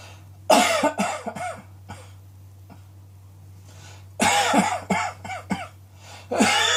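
Two bouts of loud, harsh, repeated coughing with a steady low hum in the room behind.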